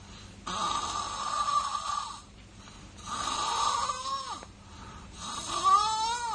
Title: baby ngorok